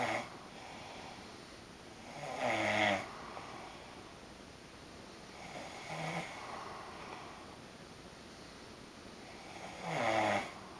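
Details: Loud rhythmic snores from an adult man during sleep, about three in eleven seconds, with quiet breathing between, in a shared hotel room.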